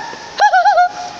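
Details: 20-year-old woman with Tourette syndrome producing a bird- or animal-like vocal tic, says she echoes a lot; vocal tic.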